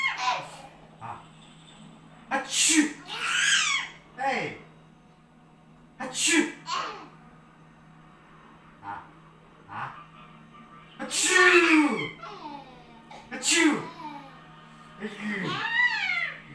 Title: Baby Son loves seeing dads fake sneeze